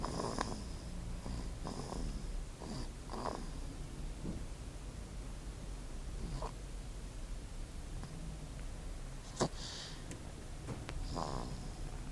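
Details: Sleeping baby without a pacifier, snoring with soft, repeated, snuffly breaths in a quiet room.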